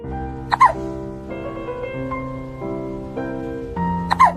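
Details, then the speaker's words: Cat with hiccups: two sharp, sudden hiccup jerks about three and a half seconds apart, with music playing throughout. "Hiccups. Oh, Mr. I'm on my own. Oh, hello. Have you got hiccups?"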